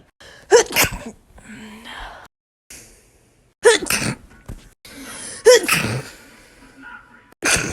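Three sharp sneezes, each with a quick indrawn breath before an explosive burst; an ordinary sneezing fit.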